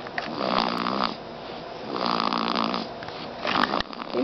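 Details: Snoring: loud, rough snoring with long rattling inhalations close to the microphone, about two breaths in four seconds.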